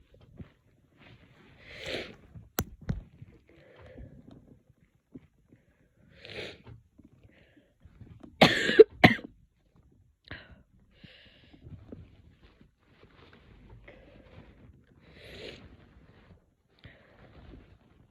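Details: Someone with a spring cold, coughing and sneezing all day, gives scattered coughs and throat noises in a quiet room, with one louder, sharper burst near the middle: cough.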